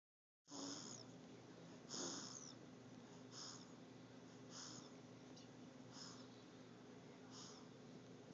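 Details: Infant aged 1½ months snoring, with soft rhythmic noisy breaths about every 1.3 seconds, roughly 44 a minute, over steady room hum.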